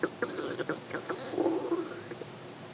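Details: Irregular gurgling, bubbling rumbles with brief pops and longer growls, recorded close up to the belly: ordinary stomach growling. Finding: bowel sounds (borborygmi).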